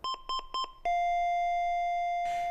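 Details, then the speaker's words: LIFEPAK 15 monitor advisory alarm with a Rainbow sensor for an elevated CO or methemoglobin (SpMet) reading: three quick paired beeps followed by a long steady tone. "There's an alarm tone, an advisory message, and the elevated value starts flashing here instead of the SpO2."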